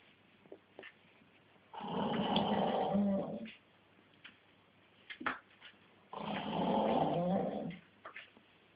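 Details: Man snoring deeply after a hard day, filmed asleep: two long, deep, rattling snores about 1.5 seconds each, a few seconds apart with quiet pauses; loud snoring, roughly 14 a minute.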